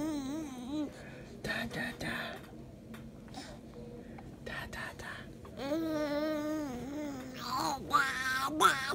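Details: One-year-old girl born with congenital glottic web (vocal cords 75% fused) and narrow airway; previously only raspy, breathy whisper; speaking after eight-hour surgery to give her a voice; infant voice after glottic web repair.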